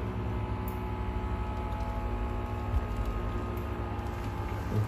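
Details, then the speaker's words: Omron HEM-7020 automatic upper-arm blood pressure monitor starting a measurement: steady low motor hum as the cuff inflates; this reading came out at 145/91. "đó Đợi một tí đấy nó lên cái này là các bác Ấn nhá Ấn này Đấy ấn nó bắt đầu đo"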